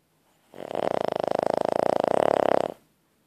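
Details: Snoring: a single drawn-out, rapidly fluttering breath of about two seconds with a rough vibrating quality, heard during sleep.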